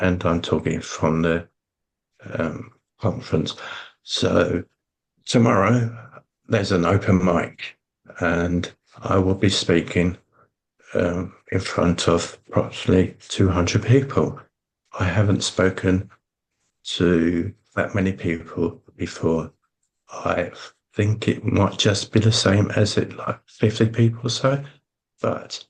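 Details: Adult man from England in a stuttering support group, preparing a Toastmasters icebreaker about his stutter; repetitions and fillers: stuttering.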